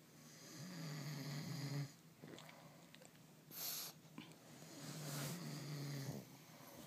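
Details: Two people competing for the loudest snore: two rumbling, rattling snores a few seconds apart, with softer breathing and small noises between; ordinary snoring.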